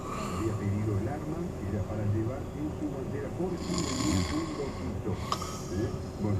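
Low rumbling snoring breaths under a radio talking in the background.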